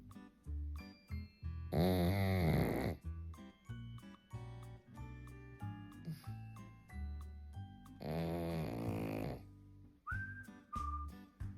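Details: Sleepy pug snoring: two loud, rattling, snorting breaths about six seconds apart, typical flat-faced dog snoring, over steady background music.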